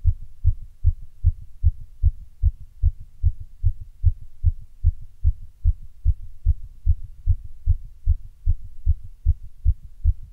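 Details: Rapid heartbeat after caffeine and exertion ("pushes"): regular, fast low thumps at about 150 beats a minute.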